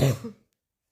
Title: coughing a little